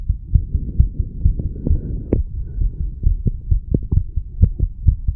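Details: 34-year-old male after smoking nicotine and "green stuff", stethoscope at the mitral area: rapid, low thumping heartbeat of about 130 a minute over a background hum; heart sounds at the mitral area.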